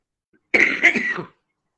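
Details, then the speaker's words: Someone coughs in the background through an open microphone during an interview. "un petit micro qui doit être ouvert c'est pas grave hein mais un petit micro kids est heureux on entend quelqu'un tousse"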